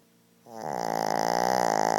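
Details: Shih Tzu dog snoring very loudly in sleep: a loud, sustained, buzzing snore with a fluttering vibration, typical of a short-nosed small dog's noisy breathing.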